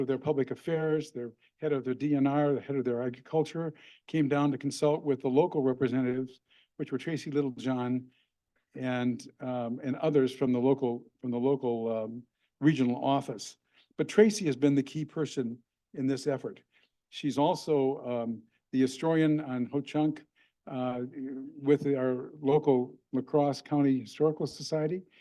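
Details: Adult man speaking; ordinary speech.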